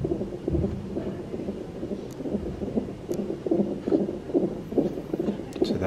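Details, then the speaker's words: Fast, regular whooshing beats at about 140 per minute with background noise: a male fetus's heartbeat on the hospital monitor during stage one of induced labour, with contractions being monitored. "we're hooked up to the monitor which is over here ow there's a light up there as well so you'll be able to hear his heartbeat"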